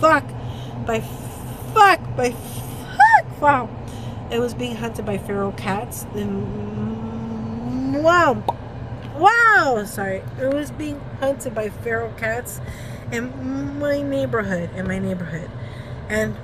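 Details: Woman with Tourette syndrome during a tic attack while running errands with her husband, repeating words and interjections mid-story; she reports trouble speaking. Vocal tics.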